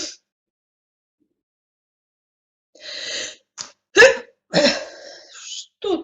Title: attack of the sneezes